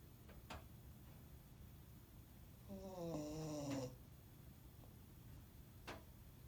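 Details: A sleeping animal snoring at the office: a single soft, whistling snore on one breath, with quiet room noise around it.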